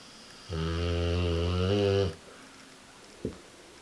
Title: American Bulldog snoring loud